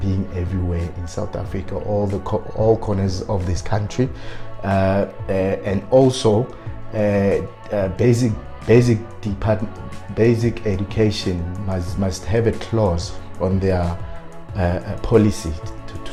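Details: Stuttering in an adult man who has self-coached his fluency but still stutters on certain words.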